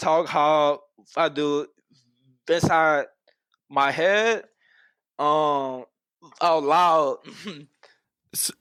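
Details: Adult man who has stuttered for as long as he can remember; stuttering.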